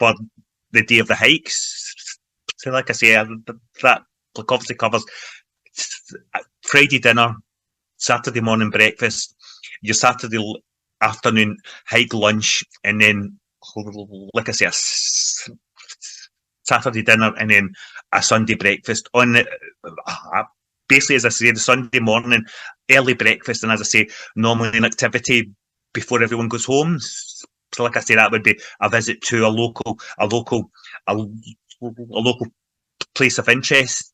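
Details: Man from Glasgow, Scotland, involved in stammering self-help groups for over 25 years, speaking in everyday conversation; stuttering (stammering).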